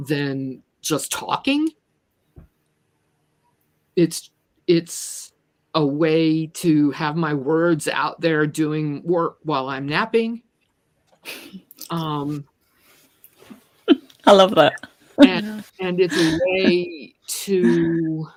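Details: Stuttering in an adult woman who describes herself as a person with a disability; repeated words are heard in this stretch of speech.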